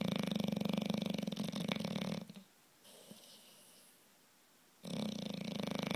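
A dog snores with a loud, fast, rattling vibration on each breath, with a quiet pause between snores; typical flat-faced dog snoring.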